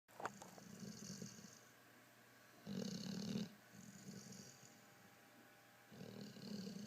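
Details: A pit bull asleep in a chair with its owner: rhythmic, rough snores, roughly one breath every three seconds, softer on each exhale; ordinary snoring.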